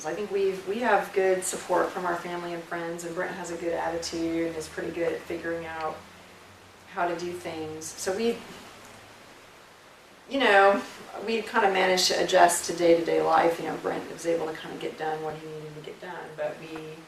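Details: Adult speaker, family member; ordinary fluent speech.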